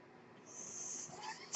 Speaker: That noise you're hearing is my ventilator.